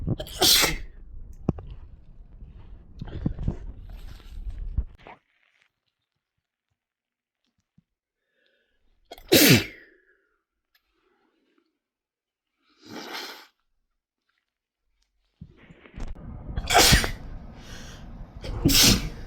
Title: Sick sneeze compilation